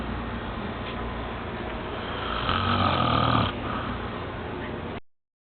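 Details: Adult man (uncle) snoring: loud, continuous low rattling breath sound that swells to a harsh peak midway.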